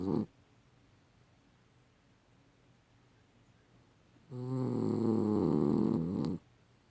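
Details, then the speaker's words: Female dog snoring, as loud as a human (sound only): a loud, long, rattling snore of about two seconds after quiet breathing. "She snores as loud as a human."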